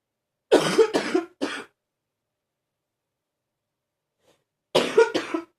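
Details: Deep coughing continuing in someone who reports feeling a bit better.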